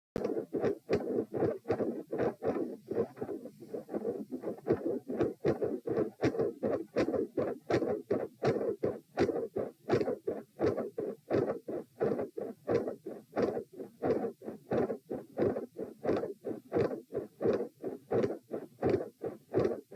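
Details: Heart sounds recorded at position p, lying down, during a Valsalva strain: regular beats around 82 a minute with a steady whooshing between beats.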